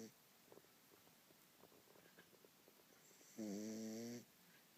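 Soft clicks in a quiet room, then one wavering, tonal snore lasting under a second.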